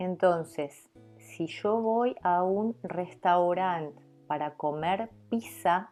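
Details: Adult woman who stutters, giving an example of ordering food at a restaurant; stuttering.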